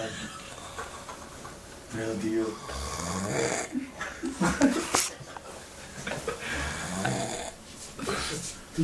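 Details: A sleeping person snoring with rough, rattling snores on repeated breaths, with talk and room noise behind as others try to wake him.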